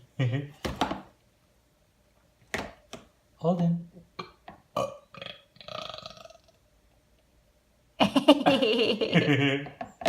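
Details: An 11-month-old baby and his father trading playful imitated burps and short coughs in a game, then babbling; deliberate imitation, not illness; cough.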